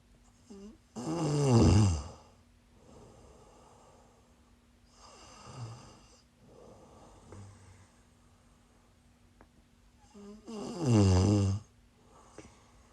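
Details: Live-streamed sleep recording of a sleeper who is sick: loud rattling snores on two inhalations about ten seconds apart, with quieter breaths between; snoring.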